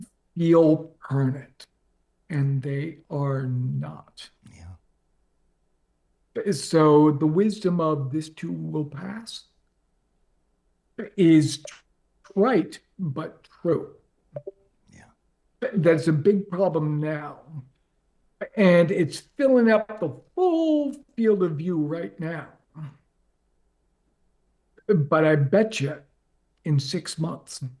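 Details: Adult man with ALS diagnosed four and a half years ago, advanced and nearing end stage: onset right calf, spreading through legs, core, arms and hands, now neck deep with difficulty speaking and breathing; speaks using a ventilator; dysarthria.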